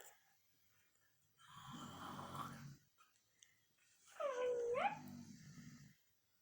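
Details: Mother snoring while her daughter makes fun of her: two loud, rough snores about three seconds apart, the second ending in a whistling tone, with quiet gaps between breaths.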